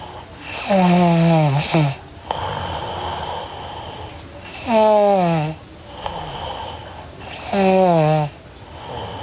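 Three loud, rattling, tonal snores on inhaling, roughly every three to four seconds, with quieter breathing between; ordinary snoring.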